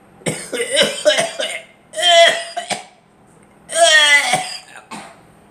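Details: Several loud, harsh bursts of coughing in short runs with throat clearing, from the uploader and a girl; they mention allergies and feel unable to breathe during drywall and paint work.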